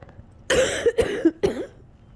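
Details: Cold lasting a couple of weeks: three quick harsh coughs in close succession near the end of a coughing fit close to an hour long, with shaky breathing between coughs.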